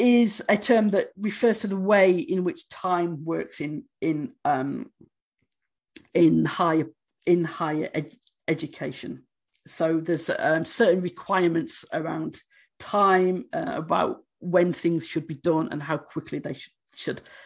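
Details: Stammering in an adult woman who states she stammers, speaking during a conference presentation.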